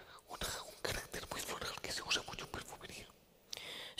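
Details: Man with the neurological disease dystonia, which in his case impairs control of his neck movements and can affect other body parts; he speaks without voice tone, in a whisper: aphonia (whispered speech) due to dystonia.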